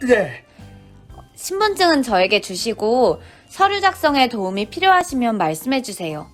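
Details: Adult woman speaking Korean (acted clerk); Typical speech.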